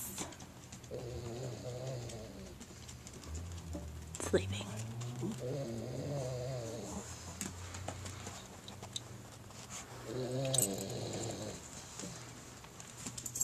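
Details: Sleeping pet found asleep when owner got home from work, then woken: slow, drawn-out groaning breaths with a low fluttering, whistling tone in a quiet room; snoring during sleep.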